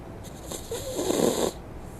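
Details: Female dog asleep, a single short, snorting, rattling breath over faint background hiss: a brief dog snore.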